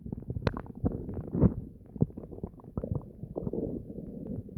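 Continuous gurgling and deep growling from the abdomen, ordinary active bowel sounds.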